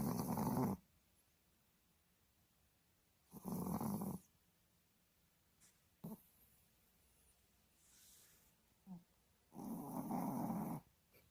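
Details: Pet dog snoring while asleep: rough, rattling snores on each breath in, several seconds apart, with quiet between.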